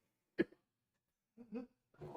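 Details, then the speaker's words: Adult with a persistent bad cough while sick, coughing about every 10 minutes: a single sharp cough burst in a quiet room, followed by two rougher, voiced throat sounds. "I have like a break time between like probably a cough every once like 10 minutes but if I cough every two minutes and that's bad when I have cough I have a really bad cough"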